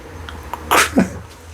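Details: One loud explosive sneeze with a short intake before it from an adult with a lingering infection, cough and hoarse voice, on medication; a single sneeze.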